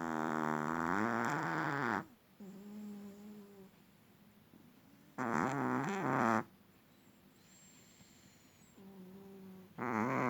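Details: Loud, drawn-out buzzing snores alternating with quieter whistling breaths, about one breath every four seconds, from a small long-haired Chihuahua sleeping calmly. The owner says a vet found nothing wrong. Snoring.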